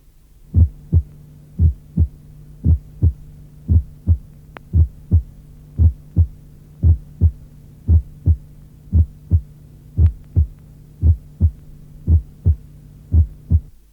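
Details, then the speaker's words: Simulated regular heartbeat near 57/min with a normal split first heart sound near the sternum: a softer first component followed by a louder, slightly higher-pitched component. "Près du sternum, le bruit se dédouble en une première composante moins intense, suivie d’une seconde composante plus forte et légèrement plus aiguë."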